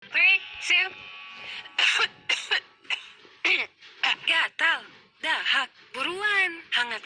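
An adult gives a series of short, acted cough bursts with voiced, throaty tails, mixed with vocal sounds; acted cough.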